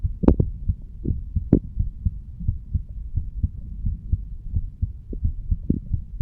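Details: 35-year-old man standing up, heartbeat recorded at the mitral/bicuspid valve area: soft, regular low thumps at about 85 beats a minute under a faint hum; ordinary heartbeat.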